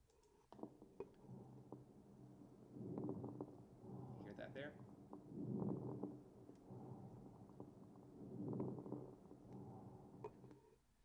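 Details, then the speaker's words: Crackles heard on chest auscultation: breath sounds with scattered short Velcro- or Rice Krispies-like popping clicks, from compressed alveoli popping open on inspiration, e.g. in pulmonary edema, mucus, or prolonged supine lying. "again you get this kind of velcro rice krispy sound because it basically again the alveoli were compressed as we breathe in and draw some volume they pop back open"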